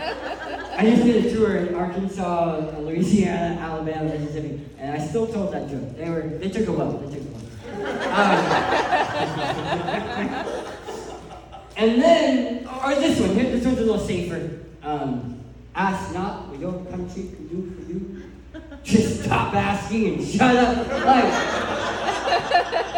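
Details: Adult man who lost 80% of his tongue to cancer, with a permanent articulation disorder after partial glossectomy.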